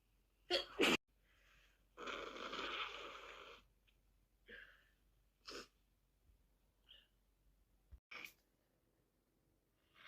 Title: Send help I have monster cold and can't stop sneezing, sniffing and blowing my nose (My boss cold)